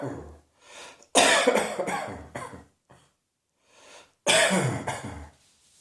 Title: Cross Dressing Coughing 113